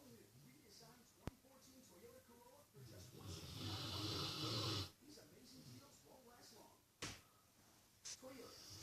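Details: Sleeping Rottweiler snoring while dreaming: one loud, rattling snore amid quieter breathing, with a few soft clicks and snorts.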